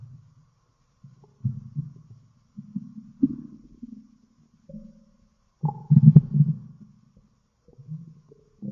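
Irregular low gurgles and rumbles from the stomach, coming in bursts with quiet gaps; ordinary stomach growling.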